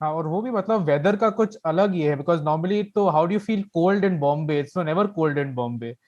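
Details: Adult speaker; normal voice.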